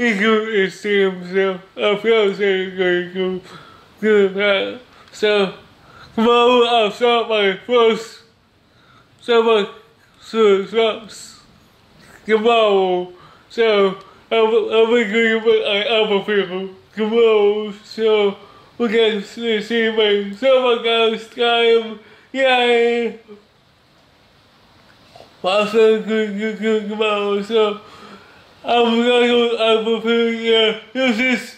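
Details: Male with cerebral palsy who describes having a speech disability; dysarthria due to cerebral palsy.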